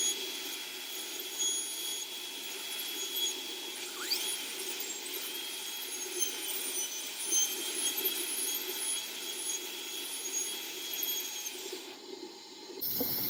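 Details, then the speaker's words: High-speed dental drill preparing an anterior tooth for an E.max crown: a continuous high-pitched whine with shifting squeals, while a thin sliver is kept to gauge reduction depth. "Keeping that sliver also helps you kind of gauge how deep to go, because you don't want to over prep this. So if you keep just like a small sliver, that'll put you at about the right spot, the right amount of reduction."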